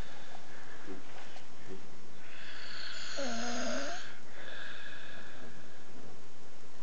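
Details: A man snoring at night in a hotel room in Vienna, recorded by his friends: one loud, rough snore with a whistling, tonal edge between quieter breaths.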